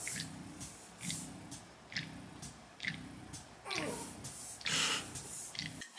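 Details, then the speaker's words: Rhythmic mechanical suction cycles about once a second, each with a hum and a soft hiss, from a breast pump running normally as a mother pumps during a night feed around 1 AM for her almost 4-week-old baby. "but i'm gonna pump and see what happens this is the sound of my nights"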